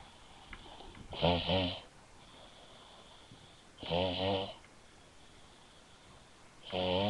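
Three loud, rattling snores, each roughly half a second long, recur every two to three seconds over quiet room noise. Ordinary snoring.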